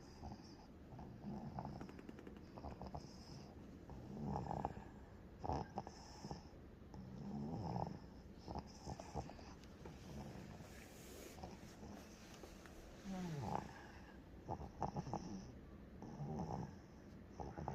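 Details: Soft rhythmic snoring with each breath in a sleeping 90-day-old infant, over steady room noise.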